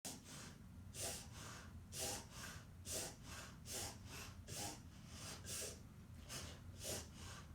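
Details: Dog with unusual breathing that the vet identified as reverse sneezing: rapid, repeated snorting inhalations during an episode.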